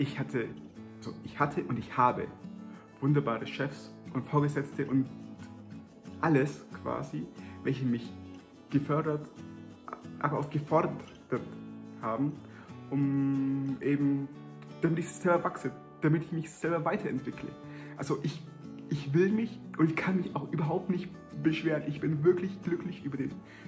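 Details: Adult German-speaking man who stutters; stuttering.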